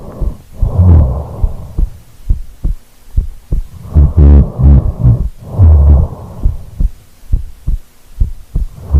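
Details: Steady, regular low thumps at about 80 a minute, recorded in real time during sleep after rolling over, with rumbling snore-like breaths every few seconds: normal heartbeat.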